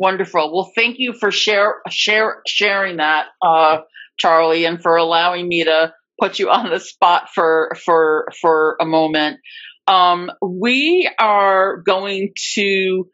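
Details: Adult woman who stutters, real speech, formerly a covert stutterer for more than 30-35 years; repetitions of words and part-words; stuttering.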